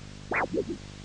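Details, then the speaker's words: Huntleigh Dopplex handheld Doppler, probe facing towards the heart (diabetic foot assessment): a loud swishing beat followed by two softer, lower echoes, a normal triphasic arterial signal. "in a normal healthy person the arterial signal is said to be Tri or basic which means it has either three distinct beats or two distinct beats"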